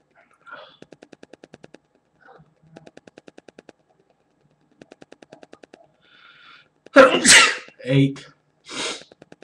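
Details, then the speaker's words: Adult man sneezing 12–13 times in a row, counting aloud: after quiet rapid clicking, a loud forceful sneeze and shorter bursts follow, part of a run of repeated sneezes. "eight yeah I can still feel it coming on here nine wow 10 okay there's 10 there it may still come I mean 11 sneezing excessively here 12"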